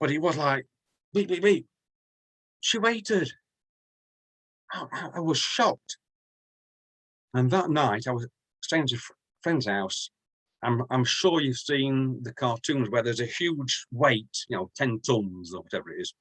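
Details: Adult man from the UK who stammers, more severely in the past and still at times, with blocks, repetitions and eyes closing or looking down; word repetitions heard; stuttering (stammering).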